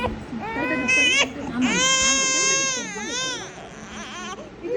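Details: Infant of about 1.5 months at first vaccinations (polio drops and injections): loud, high-pitched crying in long wailing bursts with gasping pauses, a normal pain response right after a vaccine injection.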